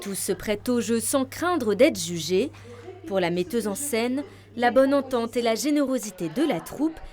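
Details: Adult woman narrator; Normal speech.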